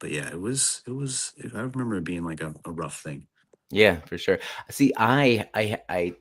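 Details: Adult man who grew up with a severe childhood stutter and still stutters at moments; stuttering.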